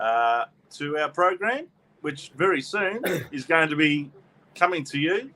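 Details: Adult male speaker; ordinary speech.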